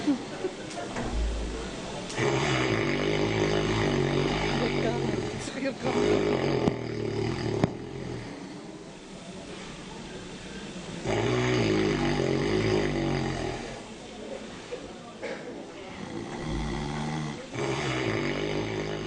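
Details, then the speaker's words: Loud, rough, rattling snores about every five seconds with quieter breathing between: a husband's heavy snoring recorded by his wife at home, shown on a program about snoring and sleep apnea. "bayağı bayağı bayağı horluyor eşi"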